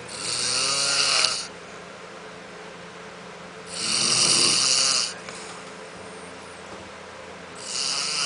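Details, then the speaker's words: Adult man (husband) snoring in sleep who denies that he snores, said to be worse at night: loud, rasping snores on the in-breath about every four seconds, with quiet pauses between. "He says he doesn't snore. He snores."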